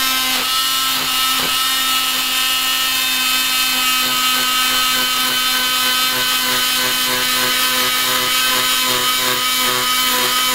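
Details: Oscillating cast saw cutting off a leg cast after bilateral fibular fractures: loud, steady high-pitched motor whine with a gritty buzz.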